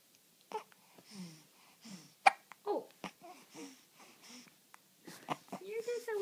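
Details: Infant babbling, broken by a few sharp, abrupt catches in the breath; the baby has hiccups.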